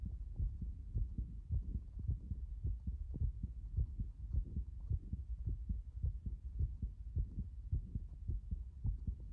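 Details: Heart the owner says has been beating this way since this morning: low, muffled thudding heartbeats at roughly 105 a minute with somewhat uneven spacing; possibly irregular heart sounds.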